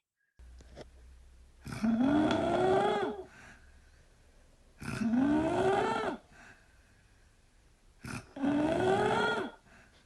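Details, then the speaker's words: Patient with multiple system atrophy: three loud, harsh, high-pitched rising noises on breathing in, a laryngeal stridor, which should be reported to the treating neurologist. "que son típicos sonidos estridores laríngeos bucales que hacen los pacientes no todos por supuesto pero cuando está presente hay que comentarle al neurólogo tratante para que lo sepa"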